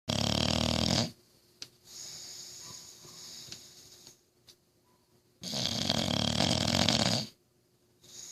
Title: Can you snore louder than me?